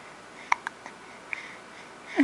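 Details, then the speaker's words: Several brief, sharp catching sounds about a second apart over quiet room noise; hiccups. "has hiccups."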